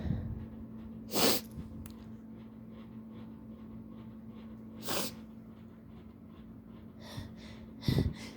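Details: Allergy sufferer setting off sneezes with a new chickpea-type tickle trigger: three loud sneezes, each after a brief build-up; allergic sneezing.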